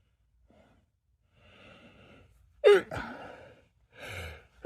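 Quiet breathy build-up gasps, then a sharp explosive sneeze and a softer second burst: an ordinary sneeze with its gasping lead-in.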